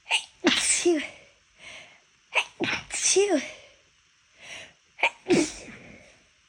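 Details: Person trying and failing to hold back sneezes: three sneezes, each with a sharp in-breath and a loud burst, then a short sniff; ordinary sneezing.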